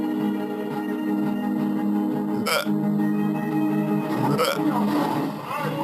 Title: Talking Ben Has Hiccups